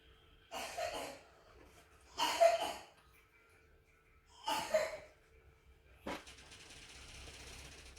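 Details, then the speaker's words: Three separate harsh coughs from a child a few seconds apart, followed by a short sharp sound in a quiet room. The child's only symptom is the cough. "you can hear, my child has a cough. He has nothing else but the cough."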